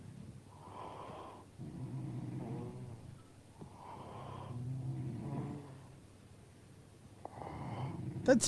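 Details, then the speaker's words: Adult man snoring while asleep, who suspects he has sleep apnea: moderate fluttering snores alternating with softer airy breaths, ending in a sharp noise. "not bad snoring right that sounds good that's good snoring"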